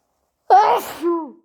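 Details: Wet sneezing: a single sudden, loud, voiced sneeze, followed by a short trailing vocal sound.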